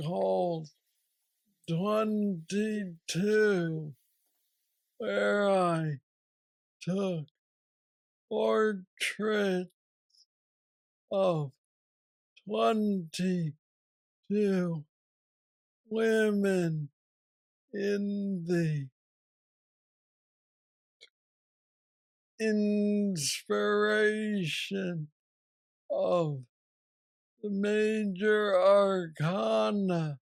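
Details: Parkinsonian speech (hypokinetic dysarthria) in a 46-year-old man diagnosed with aggressive Parkinson's disease at age 35, worsening since, with mobility problems and treated with a brain neurostimulator implant.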